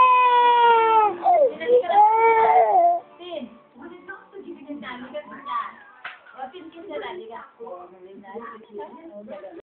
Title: Crying